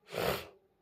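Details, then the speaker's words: Adult with a common cold, cough and persistent fever, worse at night, on hospital medication possibly for a viral fever: a single brief, forceful sneeze-like burst of air; sneeze during a common cold. "यो रुगा खोकी ले पनि हैरान पारिसक्यो मलाई त यो जरो पनि आएर हैरान छ"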